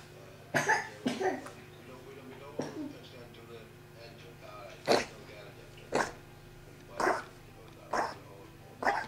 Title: Poppys cough